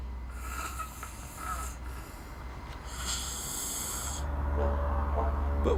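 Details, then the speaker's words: Loud snoring during sleep: two long, rattling, noisy breaths over a steady low rumble, with a tonal drone toward the end. "snoring occurs when the musle Muses at the back of the throat relax and collapse in on one another causing them to vibrate as we breathe in and out in most cases it simply causes a vibration and that annoying noise"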